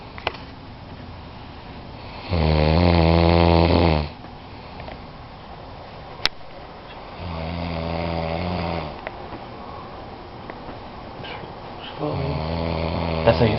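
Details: Male snorer who says he doesn't snore: three long, loud rattling snores on breathing in, separated by quiet pauses, with faint room noise between them; snoring.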